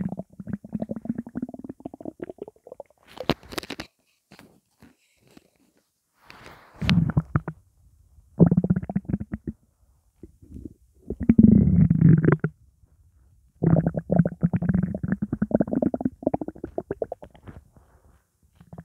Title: hungry belly